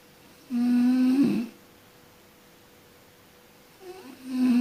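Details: Person sleeping and snoring: a steady droning snore on one breath, a quiet pause, then the next snore beginning.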